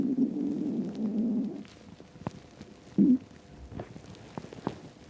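A long, low, rolling rumble, then a short gurgle and faint bubbling: an empty stomach rumbling.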